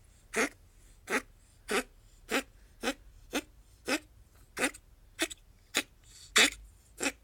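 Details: Female ferret coughing since mid-May; owner hopes it is a cold or hair stuck in the bronchi during shedding, but suspects bronchitis. About twelve short, dry, harsh hacking bursts less than a second apart.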